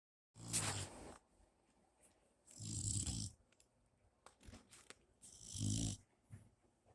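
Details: Napping Mastiff puppy with loud, rattling snores, each a second or so long, about every two and a half seconds; snoring.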